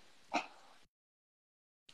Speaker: bless you. That was sneezing, if you didn't hear it.